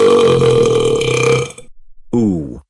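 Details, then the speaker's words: Simulated cartoon burp: one long, loud, low-pitched burp with an electronic, synthesized tone, then a short falling voiced sound, followed by a character's disgusted reaction. "yuck Kenneth how dare you burp in front of me that's it I'm calling your dad"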